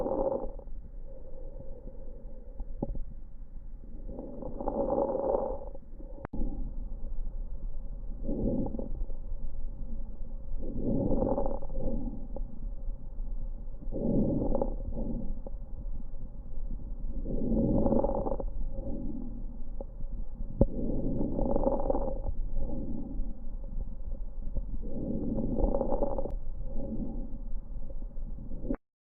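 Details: Idiopathic pulmonary fibrosis lung sound sample: rhythmic breath sounds with scattered short fine crackles.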